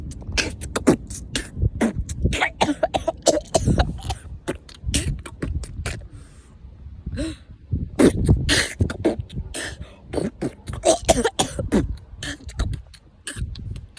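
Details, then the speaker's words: Suppressed cough held in during class: rapid, muffled bursts and puffs of air as a child tries to hold in coughs. "Next time, if you're in class, just cough it out. Don't do what I did."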